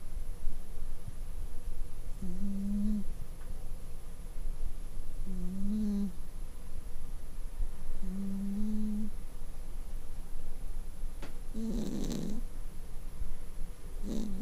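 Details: Cat snoring like a human: soft, low, buzzing snores every three seconds or so, with a steady hum in the background.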